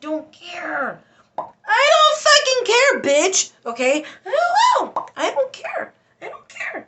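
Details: Adult woman with Tourette syndrome whose involuntary insults and interjections alternate with apologies; she says her speech is hard to control; Tourette syndrome vocal tics with coprolalia.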